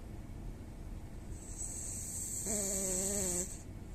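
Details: French bulldog snoring: a hissing breath followed by a short, buzzing, whistle-like snore over background room noise.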